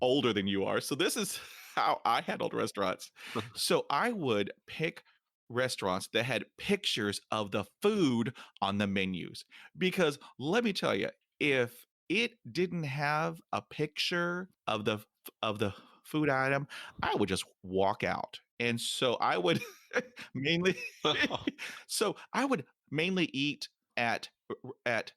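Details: Man almost 50 who stutters, including when alone, and says his stutter is not caused by nervousness; stuttering.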